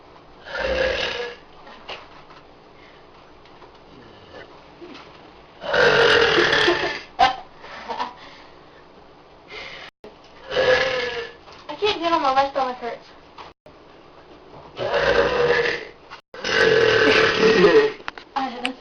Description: Showing off how she can burp on command to her friend. Very deep and loud.